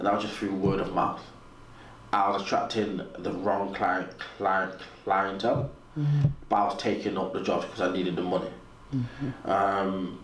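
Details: Stuttering in an adult man, described as a natural, audible stutter; real, not acted.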